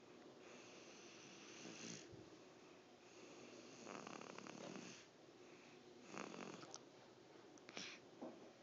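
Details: Man snoring: noisy, rough breathing sounds in irregular bursts over steady room hiss.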